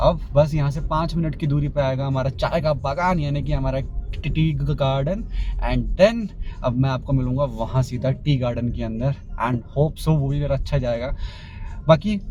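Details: Male vlogger who describes himself as a stammering speaker, speaking Hindi-English, with a repeated word 'and'; stuttering.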